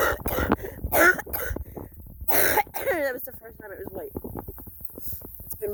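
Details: A few loose coughs and throat clearing from a very sick adult outdoors while a puppy plays in a sprinkler, followed by talk and outdoor background sounds.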